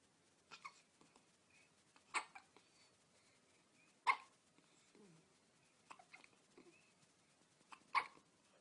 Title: My twins 10 days old hiccups